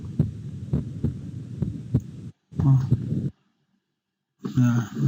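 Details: Normal heart sounds from a DxR Clinician virtual patient simulator, heard by stethoscope on the chest: regular, low, soft thumps with no added sounds.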